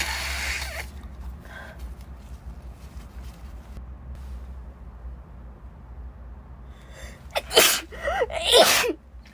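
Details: A woman's sneezing fit in a corridor: an initial sneeze, then two sharp, explosive sneezes close together, over a low room hum; sneezing.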